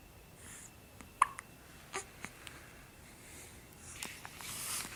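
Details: Soft, abrupt little catches spaced about a second apart in a quiet room from a four-week-old infant; infant hiccups.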